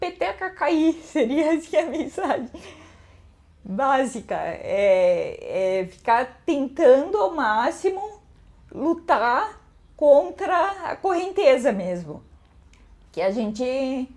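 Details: Woman with hereditary autosomal dominant spinocerebellar ataxia (Machado-Joseph disease), symptoms from age 38, diagnosed at 40, speech affected by the disease; ataxic dysarthria.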